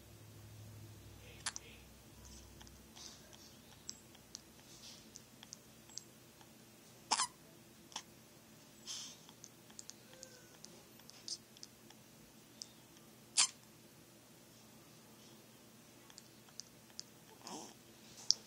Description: She gets hiccups like she did in my tummy... And she sounds like a squeaky toy... Lol kinda funny